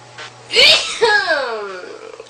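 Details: A woman gives a short inward catch, then a single high-pitched sneeze trailing into a falling voiced sound; she says she sneezes multiple times; ordinary sneeze.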